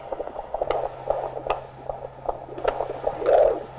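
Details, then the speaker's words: Normal fetal heartbeat on handheld Doppler during antenatal abdominal palpation, with the fetus moving and the head well down near the pelvis. Rapid, regular whooshing pulses at about 150 a minute, about twice the maternal rate, faster with movement. "how's that moving yeah it's quite fast yeah is that normal it's about twice as fast as your i can't beat"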